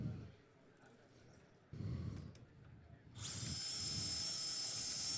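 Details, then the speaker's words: Surgical drill with a 4.3 drill bit, drilling for the bicortical locking screw through the aiming device in Femoral Neck System fixation of a femoral neck fracture: room noise, then a steady high-pitched drill whine. "then next on last step is to insert this locking screw through the same aiming device we put this in we use the same drill as we heard already 4.3"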